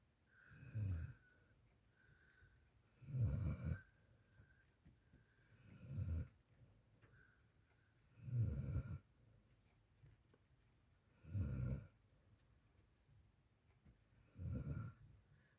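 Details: Sweet, ordinary snoring: low rumbling snores on each breath in, about six over fifteen seconds, in a slow, regular sleep breathing rhythm.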